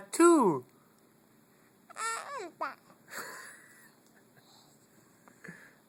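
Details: A young child fake coughing and sneezing: playful, voiced pretend coughs and sneeze-like bursts with rising and falling pitch, separated by pauses; an imitated cough, not a real one.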